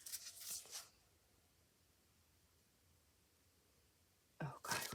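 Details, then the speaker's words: An old former street cat snoring softly while asleep in a quiet room: two airy, rasping breath noises about four seconds apart. "was wondering what that sound was. My cat my old street cat snoring."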